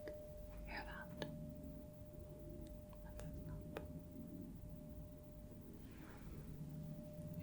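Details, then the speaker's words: Role-played ASMR hearing exam: a struck tuning fork is placed on the mastoid process, then in front of the ear, for a Rinne test; steady soft ringing with light taps and faint whispering. Tuning fork tone (Rinne test). "I am going to strike the tuning fork and put it on the mastoid process behind the ear and if you could just tell me when you stop hearing that"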